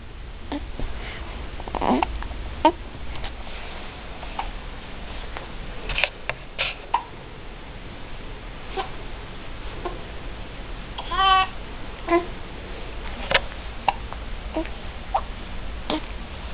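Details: Hiccups: brief, sharp catches repeating every few seconds in a quiet room.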